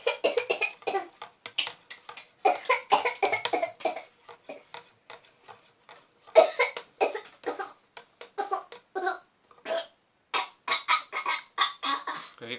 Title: Hilarious child's reaction when i tell her she doesn't have a cough